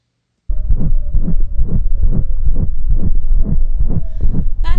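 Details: Left apical systolic murmur (mitral valve disease).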